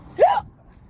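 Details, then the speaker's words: Single sharp, voiced gulp with upward-sliding pitch, about a fifth of a second, from a person walking home outdoors during an episode of persistent, uncontrollable hiccups; typical hiccup. "some people probably think I'm here recording myself as I'm walking and I'm hiccuping away"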